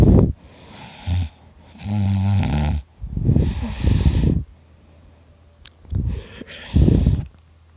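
Loud, harsh rattling breaths in repeated bursts with pauses between them; heavy snoring.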